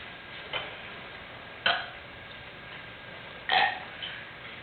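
Three short, loud throaty burps separated by quiet room noise; ordinary belching.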